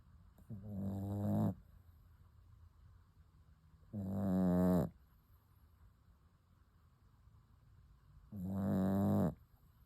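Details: Sleeping puppy snoring: three loud, deep, rattling snores about four seconds apart with quiet breathing between, ordinary snoring.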